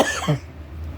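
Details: Adult who reports a long-standing scratchy throat, choking on food and weight loss, with a normal swallow test: a single brief, throaty cough followed by quiet room noise.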